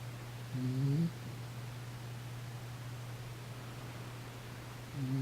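Two short, soft, buzzing breath sounds about five seconds apart over a steady low hum. This is snoring in a sleeping cat.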